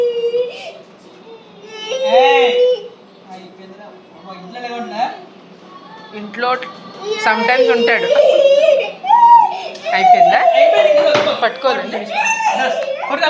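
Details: Young boy crying during a blood test: bursts of sobbing wails while adults talk soothingly nearby, distressed crying during the blood draw.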